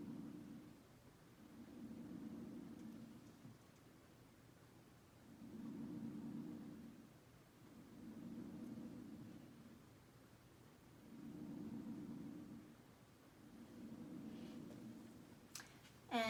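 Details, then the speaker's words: Patient simulator manikin heard with the stethoscope diaphragm, anterior chest from clavicles downward: soft, low rushing breath sounds in steady full inhale-exhale cycles; clear, normal breath sounds in all lobes bilaterally. "so after listening to sam's lungs it sounds like he has clear breath sounds in all lobes bilaterally anteriorly posteriorly and laterally"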